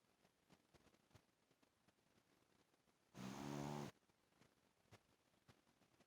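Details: Sleeping Shih Tzu dog snoring: one brief, harsh, rattling snore amid quiet background noise.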